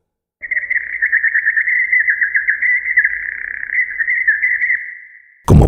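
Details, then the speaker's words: Simulated hearing aid frequency compression at a very high compression ratio (Siemens Micon): birdsong squeezed into a narrow, whistle-like pitch band. "ahora vamos a aplicar la compresión frecuencia al ejemplo de audio pero con un radio de compresión muy alto por favor escuchen de nuevo"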